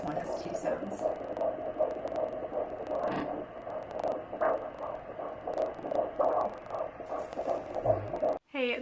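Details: Rapid whooshing rhythmic fetal heartbeat through a doppler, about 155 to 160 a minute, in the first trimester of pregnancy.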